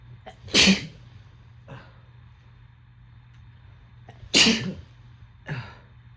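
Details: A sneezing fit with harsh, forceful, explosive sneezes: two sneezes about four seconds apart, each followed by a softer breath or after-sound.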